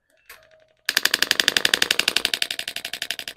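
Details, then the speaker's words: Extracorporeal shockwave therapy on the plantar fascia, underside of a patient's foot, with ultrasound gel, intensity aimed at 6–7/10 discomfort: brief beep, then a rapid, even stream of sharp tapping pulses, about three a second. "that okay and as you can kind of hear it that's the impulse of each one of those shocks is a wave getting put into that okay"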